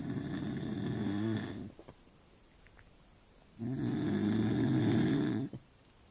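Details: Adult man who claims he doesn't snore, recorded asleep: two long, loud, rattling snores on inhaling, separated by quiet exhalation, about ten breaths a minute; heavy snoring.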